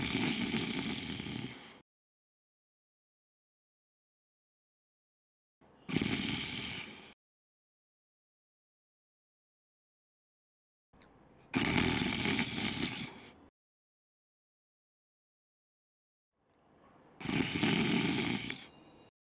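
Loud rasping snores about every six seconds, separated by silence; acted for a short film.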